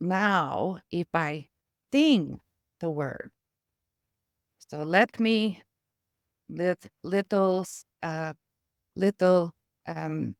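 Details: Adult woman with aphasia and apraxia of speech after a stroke (brain injury); a former professional choir singer who uses music, a metronome and rhythmic tapping to aid her speech.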